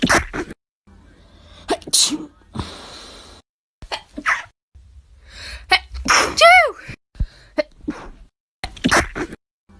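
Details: Compilation of sneezes induced by nose swabbing, including COVID-19 swab tests and sneezing challenges: a run of sharp explosive sneezes from different people, some with a breathy lead-in, separated by quiet gaps and brief voices; sneeze.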